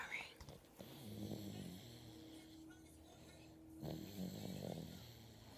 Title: Babygirl was in that deep sleep snoring